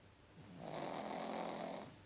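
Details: A pug, a flat-faced dog, snoring: one long, rattling, buzzing breath noise through the nose and throat; snoring.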